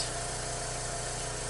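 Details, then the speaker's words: Steady low motor drone of a portable suction machine running during tracheostomy suctioning of a client in mid-Fowler's position with trach collar oxygen; catheter inserted 4–6 inches, intermittent suction under 15 seconds on withdrawal; nursing competency demonstration. "when that occurs I'm going to include this port is suction intermittently no longer than 15 seconds on the way out"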